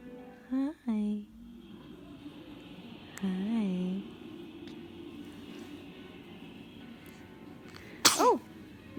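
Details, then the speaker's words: A baby coos and makes small vocal sounds, then gives one short, sharp sneeze near the end, one of several repeated sneezes, against a soft background hum: baby sneezing. "Oh, bless you again. Oh, again. Goodness."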